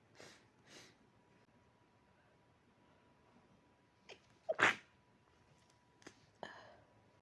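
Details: Quiet room with soft breathy sounds, then a sharp sneeze burst and a smaller stifled sneeze afterward; sneezes being held back.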